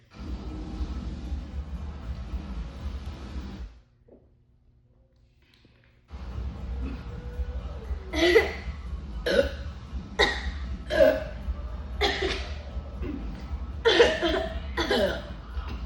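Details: Against a noisy background, a person trying to drink a can of Sprite without burping, who says he does not feel good, makes a series of short, throaty, partly voiced burps, about one a second; burping.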